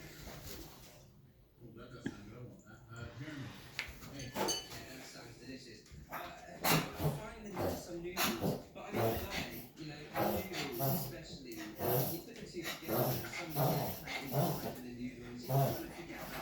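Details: A dog gives a long run of repeated harsh, hacking coughs in a small room.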